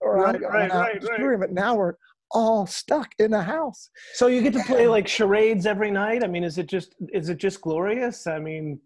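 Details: Adult speaker; normal speech.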